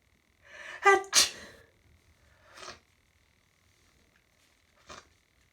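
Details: Hay fever sneezing that has gone on for about an hour, with a stuffy nose: a sharp intake, then a loud, forceful sneeze followed by two softer sneezes.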